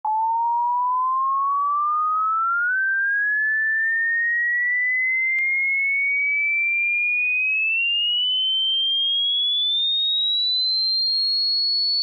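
A steady pure tone gliding smoothly upward in pitch from low-mid to high, used to check which pitches a listener can hear.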